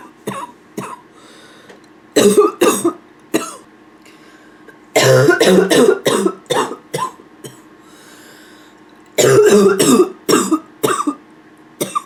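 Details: Repeated harsh, barking coughs in clusters of several bursts, with throat clearing between, mostly toward the end; persistent barking cough (f).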